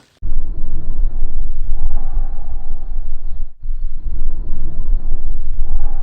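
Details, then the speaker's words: Normal bronchovesicular breath sound, lung auscultation: low rushing breathing, intermediate between bronchial and vesicular, inspiration and expiration equally loud with no pause between them. "o bronco vesicular é intermediário entre o som brônquico e o murmure vesicular e possui a mesma intensidade entre a inspiração e a expiração e não possuem intervalo entre esses dois tempos"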